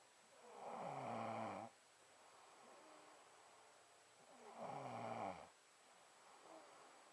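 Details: Man, who denies snoring, asleep: slow, rasping inward snores about every four seconds, with soft outward breaths between them; snoring.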